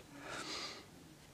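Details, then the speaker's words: A single soft, hissy, snort-like breath from Stella, a sleeping pet, in a quiet room; light snoring. "you can see Stella's snoring I don't know if you can hear her"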